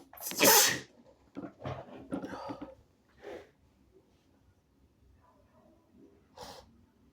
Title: extremely wet snotty sneezes (he/they)